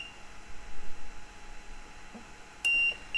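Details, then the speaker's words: Ventilator alarm tone during a pre-use vent check of an LTV transport ventilator: the vent-inop light comes on, and the alarm is allowed to sound up to 15 seconds to confirm it works, then silenced. "u can hear an alarm and you can see that vent in up light has become visible and we'll silence it silence it and we should we should allow that to alarm for up to 15 seconds just to confirm that that functions correctly"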